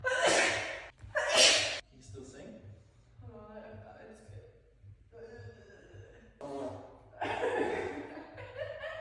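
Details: Person sneezing with the full body in an echoing gym: two forceful explosive sneezes, then voices and another loud burst; repeated sneezing.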